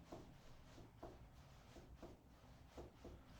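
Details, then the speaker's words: Abdominal percussion in a supine patient during a nursing health assessment: soft finger taps in quick pairs give a hollow, drum-like ring, a normal tympanic note. "so now while you're laying down I'm going to percuss his abdomen should hear tympanic sounds"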